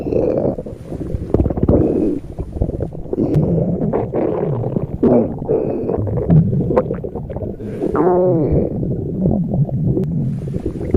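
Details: Cat's stomach growling: continuous low gurgling and rumbling with bubbling squeaks; borborygmi.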